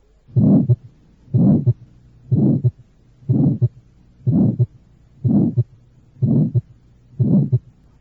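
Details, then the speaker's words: Early-peaking systolic murmur of aortic stenosis or aortic valve deformity: maximal in early or mid systole, then decreasing, ending before the second sound. "el soplo sistólico de la estenosis aórtica o de la deformidad de la válvula aórtica alcanza su máxima intensidad en la proto o mesos sístole disminuyendo después finaliza antes de que ocurra el segundo ruido"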